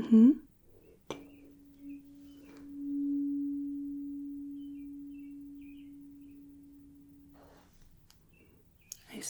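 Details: Simulated ASMR medical-exam roleplay hearing test: a high-pitched 512 Hz tuning fork is struck and rings as a steady pure tone that slowly fades over several seconds.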